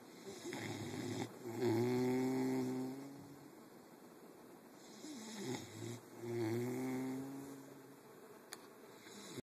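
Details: Two slow, drawn-out snores about four seconds apart, with a faint whistling tone over a soft rumble and a steady hum underneath: snoring.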